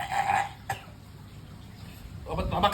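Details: An adult gives a few acted, forced, dry-sounding coughs with short pauses, blamed on Jakarta air pollution, in a cough-remedy advertisement; simulated cough.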